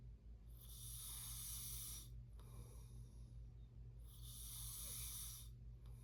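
Two long, rough, hissing breath sounds over steady low room hum, fitting snoring during sleep.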